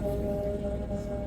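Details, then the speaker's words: Adult female patient with bilateral vocal cord paralysis after thyroid surgery (both recurrent nerves injured): steady, harsh, musical whistling inspiratory stridor from the narrowed airway. "la paciente paralizada por ahí respira con estridor tremendo"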